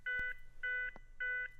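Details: Defibrillator CPR metronome prompt tones from a Zenix hospital defibrillator/monitor during a timed CPR cycle, in an instructional video on pediatric and neonate use.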